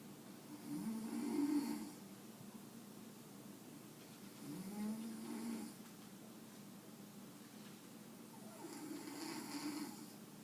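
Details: Grandmother snoring while resting one afternoon, waking a sleeping Jack Russell; three slow, rough, rumbling snores on breathing in, about four seconds apart, with quiet room noise between; snoring.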